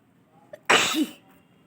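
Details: Sneeze during a sneezing and nose-blowing challenge: a brief inward catch, then one loud, explosive, hissing sneeze ending in a short vocal tail; an ordinary single sneeze.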